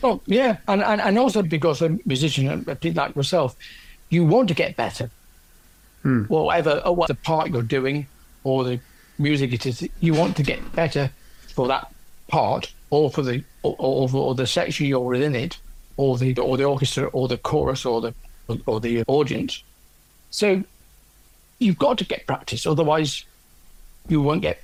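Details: Adult man with aphasia after a stroke from a left middle cerebral artery blockage 10 years earlier; initially no speech and right-sided weakness; speech since improved, word-finding still difficult.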